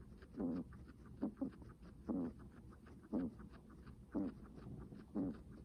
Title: Guinea pig heavy breathing sounds